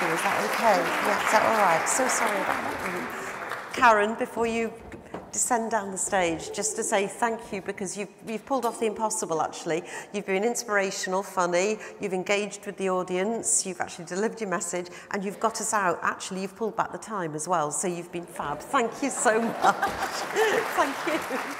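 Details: Adult speaker addressing an audience; normal speech.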